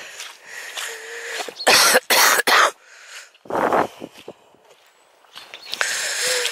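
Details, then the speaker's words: Adult woman walking outdoors in boggy fields, climbing over stiles, says she is not seriously ill: a burst of three or four harsh coughs, then a weaker one, with wind noise; cough. "Is this all shaking me lungs up, which I see is good. I'm not on death's door, don't worry anyone."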